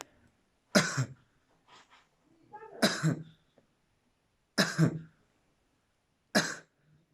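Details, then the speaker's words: Four evenly spaced deliberate single coughs, given on request each time the stethoscope touches the chest, during a medical student's demonstration of cough auscultation in a respiratory and cardiovascular chest exam; voluntary cough. "después de haber analizado lo que es la ocultación de la voz procedemos a la ocultación de la tos de igual manera que cada vez que el estetoscopio choque el paciente tiene que toser"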